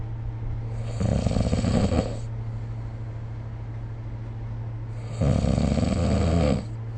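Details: Snoring recorded with the SnoreLab app: two loud, rattling low snores on breathing in, about four seconds apart, over a steady background hum.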